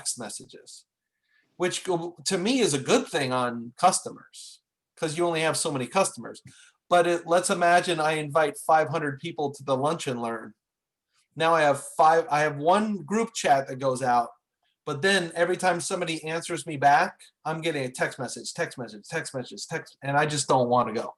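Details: Adult man speaking; normal speech.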